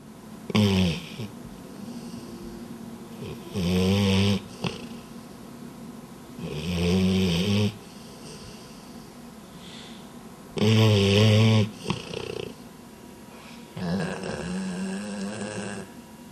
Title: dog snoring